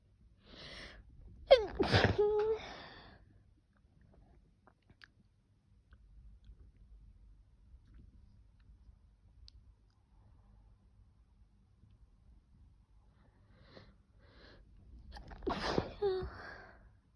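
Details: Two sharp, explosive sneezes, each led in by a quick intake of breath, separated by a long quiet stretch; sneezing.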